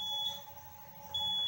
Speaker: Ya con esto tenemos más fácil identificar las alarmas principales en la máquina de hemodiálisis, que en este caso, dentro de las más frecuentes, está máximas presiones de dializado, en donde posiblemente haya una alteración en el acceso vascular,